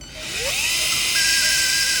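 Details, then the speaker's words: Open reduction and internal fixation with loop and Endobutton for complete type 3 (possibly type 5) acromioclavicular joint dislocation in a 55–60-year-old man: rising high-pitched whine of a 3.5 mm cannulated drill over a guide wire hitting the coracoid process. "I am drilling over the guide wire only. Now this is hitting the coracoid process."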